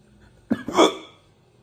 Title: Hiccups day